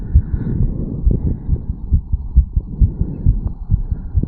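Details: 34-year-old man, heart recorded at the mitral/bicuspid valve area after a quick morning jog: rapid, strong thumps at about 130 a minute; fast but normal heartbeat after exercise.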